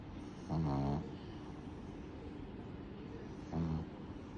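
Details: Pug snoring: two low, rumbling snores about three seconds apart, typical of a flat-faced dog asleep; the clip is tagged as snoring pug and ear cleaning.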